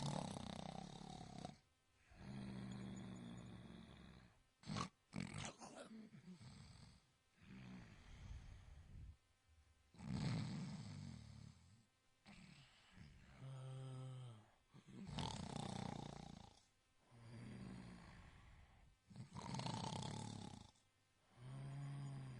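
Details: Snoring sound-effect recording: loud, rough, low rattling snores repeating in bursts with short quiet gaps.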